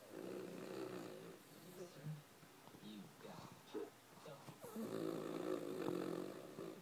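Irregular snorting and rumbling breath noises with a longer drawn-out snore at the end; a sleeping dog snoring.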